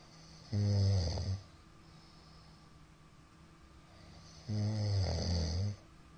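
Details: Middle-aged man snoring during sleep: two loud, rough snores about four seconds apart, roughly 15 breaths a minute, with quiet gaps. Sleep apnoea is suspected from the count of shallow hypopnoeas.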